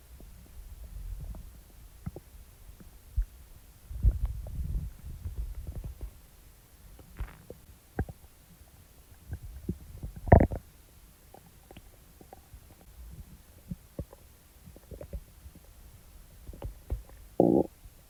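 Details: Irregular low abdominal gurgles and rumbles with a few louder growls between soft bubbling sounds, after eating; bowel sounds (borborygmi).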